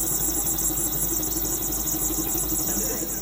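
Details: Steady loud mechanical buzzing and rumble of an airway clearance vest shaking the chest to loosen mucus in a patient with cystic fibrosis.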